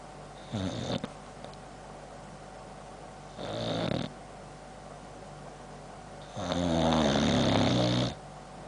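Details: Three fluttering snores of varying length with quiet pauses and clicking of the jowls/chops; snoring in a sleeping Boxer dog.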